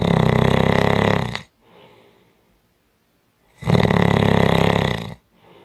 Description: 5 Minute Audio clip of Strong Snoring